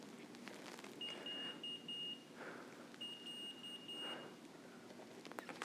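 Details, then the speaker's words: Type 1 diabetic speaker's glucose device alert: two bursts of high-pitched electronic beeping about two seconds apart in a quiet room. "i'm a type 1 diabetic and i have a little beep so i'm actually going to pay attention to my body and care for this"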